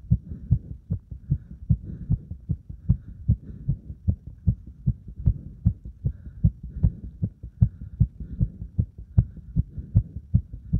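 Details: Heart sounds after burpees followed by deep squats to exhaustion: fast, regular, strong heartbeats at about 150 a minute; a normal rapid rate from exertion.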